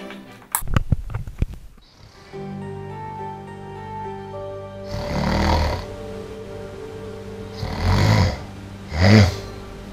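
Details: Three loud, rough, rumbling snores from an adult woman with sleep problems who snores all night, self-recorded while asleep in her bedroom, over soft background music; habitual loud snoring.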